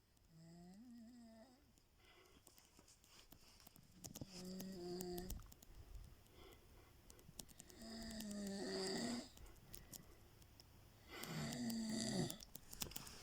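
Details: Snoring during sleep: whistling, fluttering snores with a wavering pitch, roughly three over 13 seconds, with a rattling edge and faint room noise.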